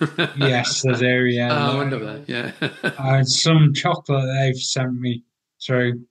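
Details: 43-year-old man with aphasia acquired about six and a half years earlier after a major car accident causing coma and 11 months in hospital; he reports language breakdown and difficulty getting words out.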